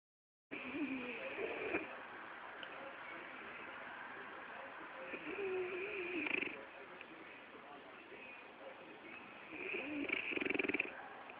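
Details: French bulldog snoring, recorded on an Android phone: noisy, wheezy, whistling breaths with rattly snoring through the flat-faced airway, muffled thin sound.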